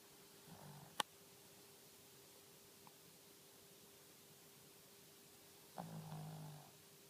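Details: Two quiet, low rumbling snores several seconds apart over a steady background hum and a faint click. Snoring.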